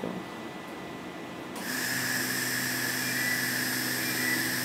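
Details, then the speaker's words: Solid-state dental laser preparing a front incisor for a filling without a drill, with slow movements over the tooth surface: quiet room hum, then an abrupt steady high hiss with rapid fine crackling pulses. "Now just have a look. The laser is now active and we start preparate the incizer."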